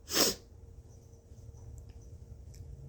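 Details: Single brief, sharp sneeze, deliberately induced by putting a turmeric-coated Q-tip in the left nostril while trying to force a sneeze attack, followed by quiet breathing in a small room.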